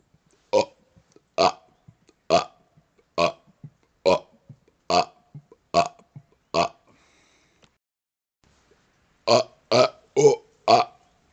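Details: Repeated burping outdoors on a second-floor porch during a cold snowstorm: about a dozen loud, voiced belches, eight in a row, a pause, then four more, in a quiet setting.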